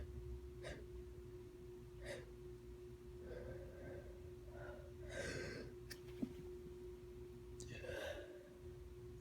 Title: first sneezing video